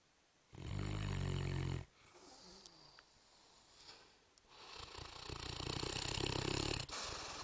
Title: Mastiff snoring